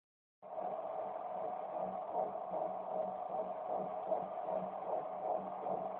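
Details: Baby's fetal heartbeat: rapid, regular whooshing pulses at about 154 a minute, within the normal range.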